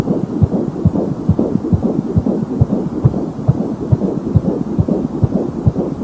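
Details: Fetal heartbeat at 16 weeks of pregnancy: rapid, regular whooshing pulses at about 140 a minute over a muffled background.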